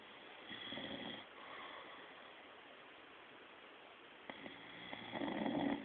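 Low, rough rattling breathing noise rising and falling with breaths in a quiet room, fitting snoring.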